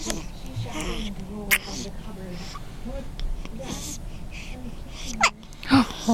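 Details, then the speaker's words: A boy with hiccups, filmed by his father while his hands are pressed to his face: several short, sharp hiccup bursts break up soft vocal sounds, with adult voices in the background. "you have the little hiccups buddy are you looking at Daddy yeah yeah you are oh are you videoing yes daddy's videoing your hiccups"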